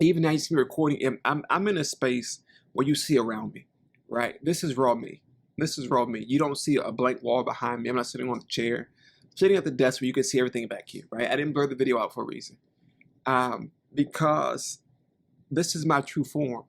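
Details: Male speaker who states he stutters and has a lisp; stuttering.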